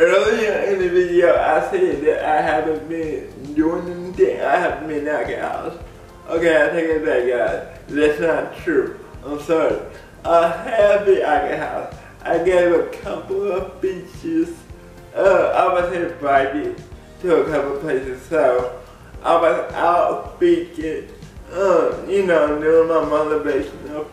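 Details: Adult man with cerebral palsy speaking in a video blog; dysarthria in cerebral palsy.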